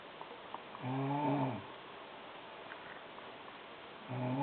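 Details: Loud snoring from a sleeping woman (sister): two low, buzzing inhaled snores separated by a quiet exhale over a few seconds.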